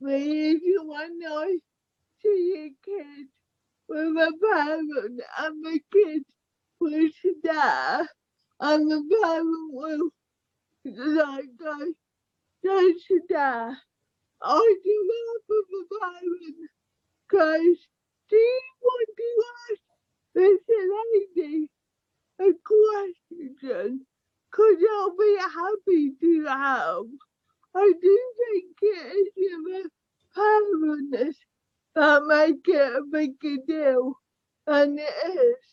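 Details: Young woman with cerebral palsy affecting her speech, walking and motor skills, with poor balance and trouble with fine tasks such as buttons; dysarthria due to cerebral palsy.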